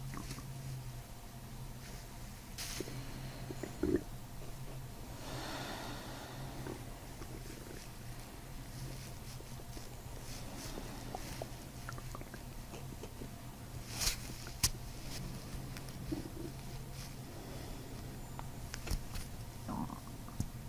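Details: Low gurgling and rumbling from an adult abdomen with scattered clicks and squelches under steady low hum, during a chiropractic diaphragm manipulation with deep belly breathing; bowel sounds (borborygmi).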